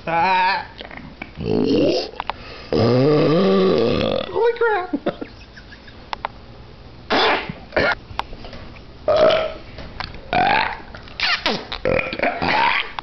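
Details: A person lets out a series of long, loud, drawn-out voiced belches; burping.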